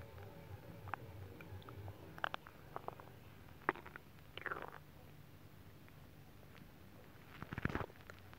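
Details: Adult's belly after eating a whole pot of nabe stew, during belly rub and oil massage: scattered gurgles and bubbly rumbles with quiet gaps and rubbing noise; ordinary bowel sounds.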